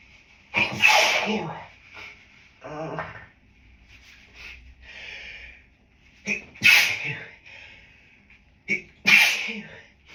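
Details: Three sharp, partly stifled sneezes with quick inhalations before each, from an adult with grass-pollen and dog allergy, set off by a dog brought into the office; repeated allergic sneezing.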